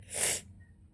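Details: A single sharp, hissing sneeze burst under half a second, then quiet, from someone who says they are sick with a slight fever, a cold and a cough; sneeze.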